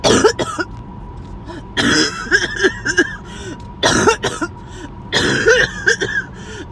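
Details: Repeated harsh, rough coughing fits with throat-clearing and gagging catches between, faint steady hum behind; a sudden harsh coughing and choking episode that came on out of nowhere.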